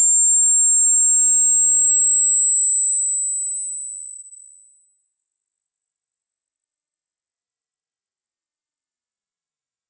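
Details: Hearing test tone: a pure, steady high-pitched tone slowly rising in pitch, a frequency sweep for checking hearing range.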